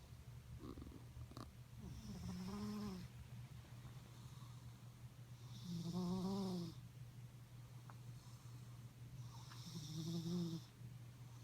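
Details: Loud snoring from a pet cat, described as snoring worse than any man.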